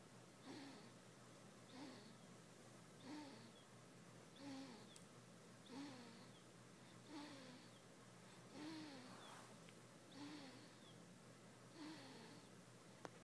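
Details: Soft, regular snoring during sleep, each snore with a low rattling tone and a hiss, about 43 per minute against quiet room noise.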